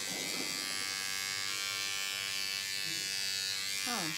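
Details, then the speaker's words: Steady high electric buzz of a motorized microneedling pen running, with a single-use 12-needle tip set to an adjustable depth and speed, during a facial microneedling with PRP demonstration. "so it just loads right on to put the pin and then we can turn it on to which ever depth and whichever however fast we want"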